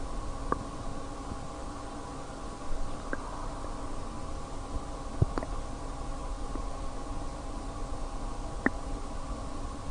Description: My stomach was feeling good today, so there weren't many sounds.